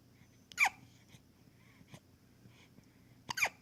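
Two short, sharp gulping sounds about three seconds apart, with quiet breathing between them, typical of hiccups.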